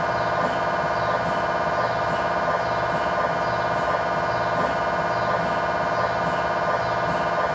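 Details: MRI scanner acoustic noise recorded inside the scan room during a test tibia/fibula (lower leg) MRI in a controlled environment, using a GE high-definition lower extremity coil (stated as 16- or 8-channel): steady, loud, rapid mechanical knocking with a buzzing tonal hum.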